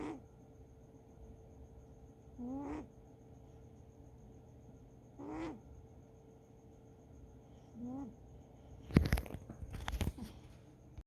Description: my cat snoring